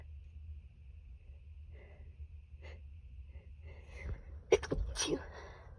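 Quiet room, then a soft breathy build-up and a quick burst of three stifled, muffled sneezes.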